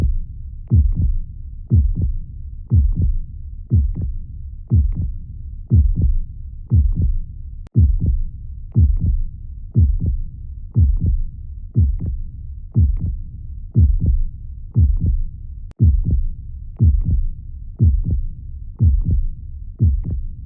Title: Soothing Heart Sounds to Calm Fussy Babies